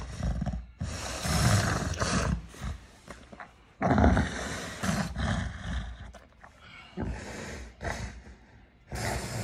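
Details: Tonic-clonic seizure with deep, loud groaning and roaring vocalizations in bursts and stertorous snoring-like breathing between them. It is followed by a postictal period with confusion.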